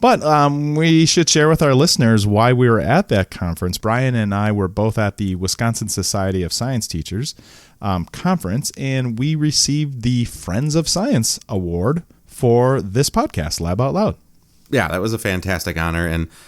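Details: Adult male speaker; normal voice.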